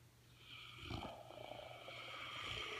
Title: Woke up to Dozer snoring away...French Mastiff (Dogue de Bordeaux)